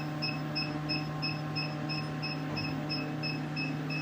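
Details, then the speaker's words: A laser hair removal machine during an adult woman's first sitting, which she reports is painless while she talks: a steady hum with evenly repeating short high beeps, about three a second, as the laser fires pulses. "তুমি কিন্তু laser নিতে নিতেই কথা বলছো বন্ধুরা দেখতে পাচ্ছ laser নিতে নিতেই কিন্তু এই দিদি ভাই কথা বলছে"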